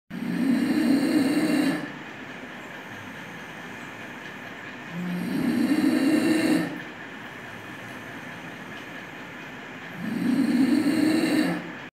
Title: Stridor in case of tracheal stenosis